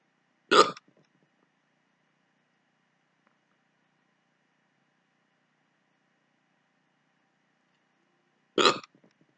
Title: My rarely hiccups